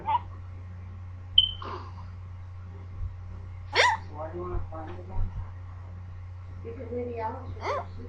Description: D: they woulodnt go away.......yes...they are not normal hiccups? XDDD